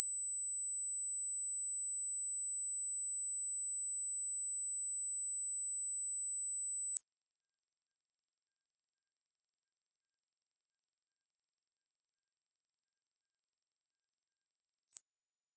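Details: Pure-tone hearing test tones at constant loudness, stepping from low to high pitch, each held 8 seconds: steady high-pitched tones, the same tones used in audiology testing.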